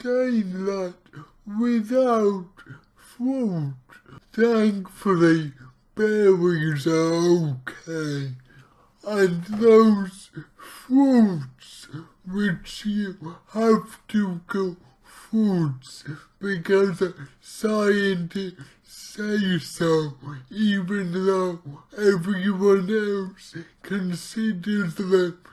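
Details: Male speaker with his own cerebral palsy, real not acted, about two weeks into trying a keto diet; dysarthric speech (cerebral palsy).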